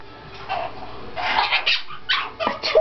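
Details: Cherry-headed conure, owner suspects a cold: a few short, harsh, breathy cough-like bursts in quick succession; parrot cough.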